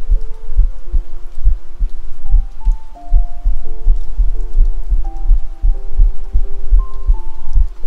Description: 【ASMR/3dio】Self: heart beat.